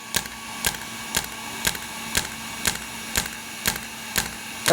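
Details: Steady sharp snapping pulses, about two a second, over a faint hum; a shockwave therapy device applied into muscle, never bone, for muscle strengthening and pain relief, e.g. weak gluteal muscles in sciatica.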